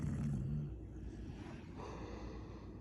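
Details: A Chow Chow dog gives one low, rumbling snore, then quieter breathing follows; snoring.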